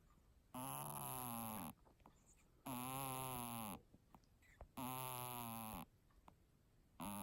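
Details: Regular drawn-out, nasal, whistly breaths about every two seconds with faint bubbling between, from a kitten with a snot bubble: snoring through a blocked nose.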